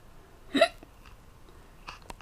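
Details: Acted hiccup in a comic dub of an Ace Attorney comic (Phoenix gets hiccups): a single sharp voiced hiccup over quiet background; simulated hiccups.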